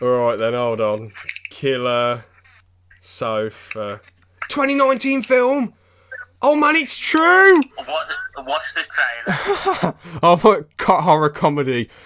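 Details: Man who still stammers, with repetitions of sounds or words and noises lasting a few seconds, in conversation: stuttering (stammer).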